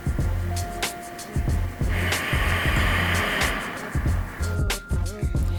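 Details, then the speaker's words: C1–C2 quadriplegic on a ventilator with an uncuffed tracheostomy, relaxing tongue, nose and throat to let air flow: rushing, hissing air escaping around the trach through throat and mouth between low rhythmic ventilator thumps; such leak can lower oxygen saturation. "how I'm able to talk that's how the air is able to come up around the tra and hit my vocal cords and talk so and when I don't here's kind of what it sounds like it sounds really freaky I'm I'm almost like Darth Vader"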